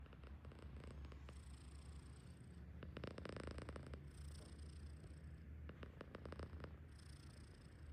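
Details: Himalayan cat napping stretched out, a loud snorer: low, steady, rumbling breathing with rattly bursts.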